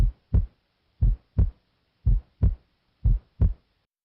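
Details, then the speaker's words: Adult male patient, stethoscope diaphragm at the base of the heart: regular paired heart sounds at about 58 beats a minute, a normal S2 from semilunar valve closure. "S2 is caused by closure of the semi lunar valves it's loudest at the base where it normally sounds like"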